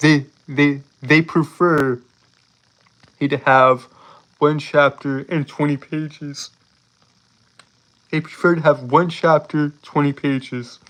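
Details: Lifelong stuttering present since birth in a male speaker, who says he holds his words rather than stuttering over them; stuttering with blocks and word repetitions.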